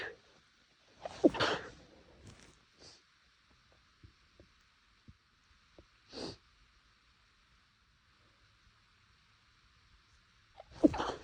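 Two muffled, held-back sneezes with a short sharp burst each, quiet sniffs and small breaths between; stifled sneezing.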